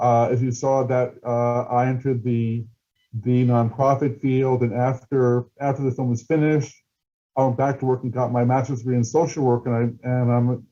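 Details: Adult male person who stutters, a documentary filmmaker, speaking at a stuttering event, with audible word repetitions; stuttering.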